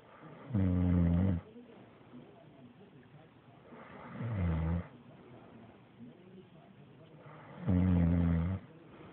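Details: Snoring: loud, rough snores at each breath, about 17 a minute, with quieter breathing between them.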